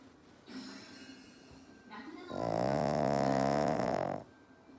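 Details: Black pug asleep on owner's lap, big snoring: a soft rasping breath, then one long, loud, vibrating snore.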